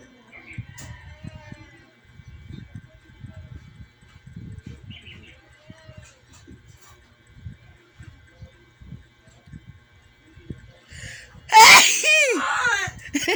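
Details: Tickle-induced sneeze: quiet rustling and faint outdoor sounds, then one sudden loud sneeze with a sharp noisy burst trailing into a falling voiced 'choo'.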